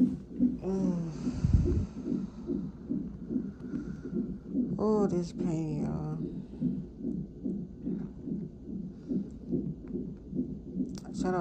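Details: At 34 weeks' pregnancy, in labor and delivery triage for severe pain and pressure (possible Braxton Hicks), a fetal monitor gives rapid, steady whooshing pulses about 140 a minute, briefly overlaid by a woman's voice: fetal heartbeat.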